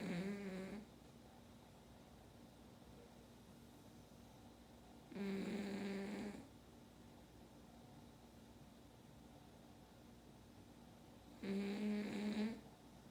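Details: Snoring only: three loud, rattling snores, roughly one every six seconds, with quiet gaps between them over steady room noise; ordinary snoring during sleep.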